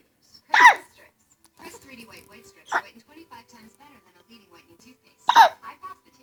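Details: Little boy hiccuping: three sharp, abrupt hiccups about every two to three seconds, with soft adult talk in between.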